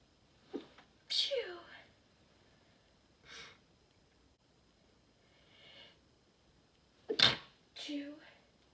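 Two forceful sneezes, each with a sharp intake and an explosive burst, separated by quiet breathing in a small room.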